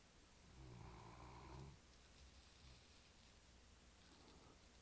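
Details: A single low, fluttering snore, then quiet breathing against faint room noise; snoring.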